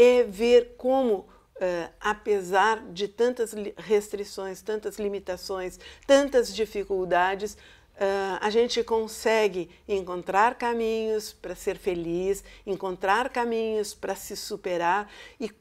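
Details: Adult woman speaking Portuguese; ordinary speech.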